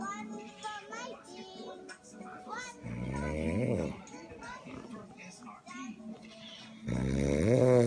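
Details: Dad snoring: two loud rattling snores while a child giggles and chatters around him.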